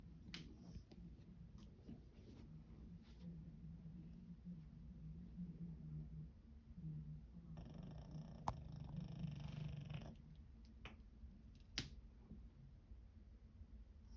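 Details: Elderly female Pug with canine dementia that is getting worse, snoring while asleep: soft, low, rattling snorts and fluttering breaths with a few clicks in a quiet room.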